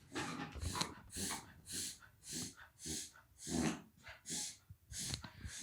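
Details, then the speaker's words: Dog reverse sneezing, an episode first seen at about two years old that sounds like choking: rapid, repeated loud snorting inhalations. "that's Judah making that noise when she first made that noise it scared the [ __ ] out of me she did it when she was like two years old and it just horrified me because it sounds like she's choking on something"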